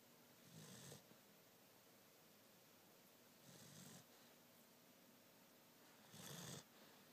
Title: Little snores!